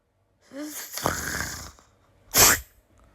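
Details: A single sneeze: a short rising vocal sound and a drawn-in breath, then one sharp explosive hiss of air.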